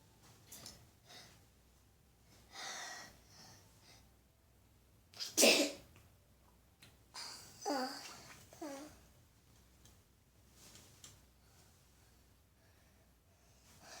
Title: Makeup tutorial sneeze fail